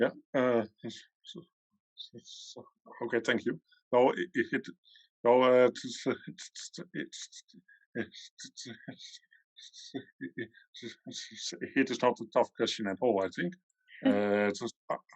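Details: Adult male panelist from the Netherlands who stutters, answering a question on a panel, with long pauses and blocks; stuttering.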